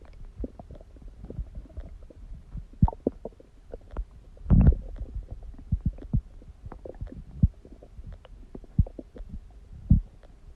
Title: stomach growling noises | My Stomach Makes Noises